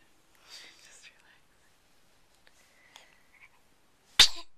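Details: Newborn baby girl on the day she was born, awake and looking around, gives a single sharp, abrupt sneeze after soft whispered adult talk.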